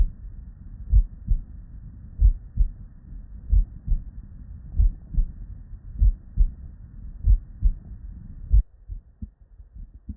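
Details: Real, unedited human heart sounds recorded at the bedside from a patient with normal cardiac physiology: steady paired lub-dub at about 47/min, clean first and second sounds, no added noises; normal heart sounds.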